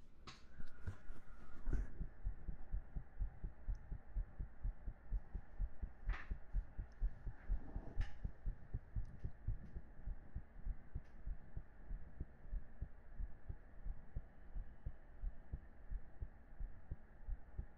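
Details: Repeated soft low heartbeat thumps, fairly quick, with a few clicks and light handling noise.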